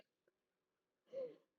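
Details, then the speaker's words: Sleeping pet dog snoring with a whistle: a faint click, then a single soft rasping breath with a high, falling whistle in a quiet room. "my dog's like snoring and she's whistling I don't know if you can hear that in the"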